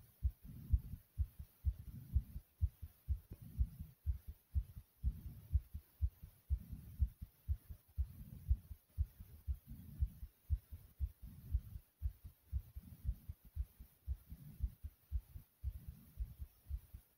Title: Thumping Heart Beating